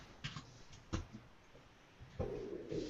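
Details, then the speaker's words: Cat named Cosmo sitting under a curtain gives several short, sharp sneezes in quick succession in a small room; sneezing. "Oh, it's Cosmo. He's just sneezing. He's just sitting under a curtain sneezing like a weird cat."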